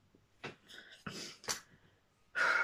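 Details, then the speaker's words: A person with Tourette's, trying to rest on a couch before work, has a tic attack that has lasted 10–15 minutes: abrupt, rapid bursts of gasps, snorts and sharp vocal noises; vocal tics. "um because my tics again really bad i was like trying to chill out on the couch and uh and they were just getting so bad and i thought i kind of video them"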